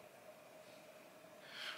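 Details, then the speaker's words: Snoring from a sleeping dog that is tired after a big outing, a noisy snorting breath rising near the end over a faint steady room hum; harmless snoring. "again I apologize if you can hear snoring in the background that is thalma she's been out for a Big W"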